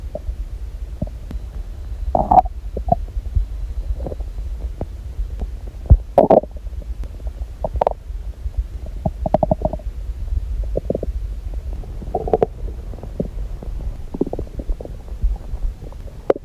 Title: Stomach noises !!~ (( gurgles, churns, groans, movements, etc •